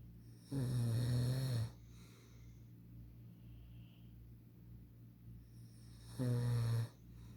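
Two loud, low rattling snores about six seconds apart, with quiet breathing between; about ten breaths a minute.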